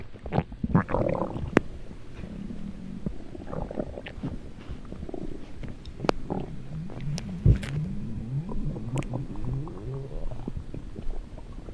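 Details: Funny stomach growling: low gurgling, rumbling and bubbling sounds rising and falling over several seconds, gas and fluid moving through the gut (borborygmi).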